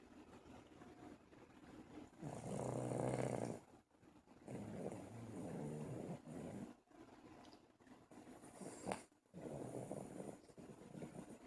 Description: Buddy the snoring dog i did not know digs snore. Buddy is our new dog sammys new dogfriend and he snores lol!